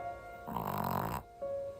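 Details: A Chihuahua being petted gives a single rough, fluttering, pig-like snort over soft background music; snorting, snore-like breathing.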